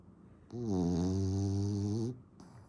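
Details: Loud, low, buzzing snore lasting about one and a half seconds over faint background hiss; person snoring louder than the uploader's husband.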